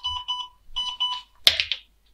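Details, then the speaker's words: WEINMANN MEDUMAT Transport ventilator powered on with test lung connected before a function check; quick bursts of high electronic beeps, then a short rising chirp sequence as its start-up alarm tone. "For this, first connect the test lung to the host system, turn on the device,"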